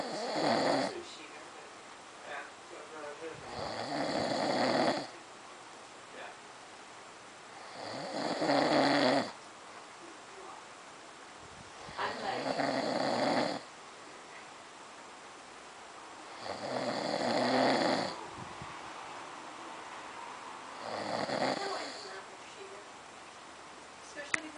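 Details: Adult man snoring while asleep: loud, rough snores in a steady rhythm, about 14 a minute, with quiet gaps between them.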